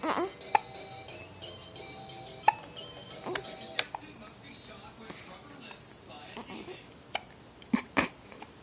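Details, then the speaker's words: Hiccups with repeated abrupt, sharp little hiccup sounds between soft babbling and an adult's voice, with background music. "Hi, Mama. Do you have the hiccups?"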